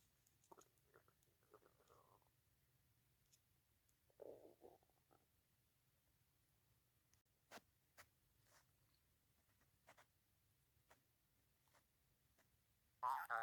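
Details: Stomach growling (borborygmi) while hungry before lunch.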